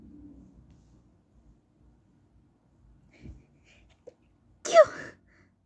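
A short gasp, then one sharp, high-pitched, partly held-back sneeze: a stifled sneeze.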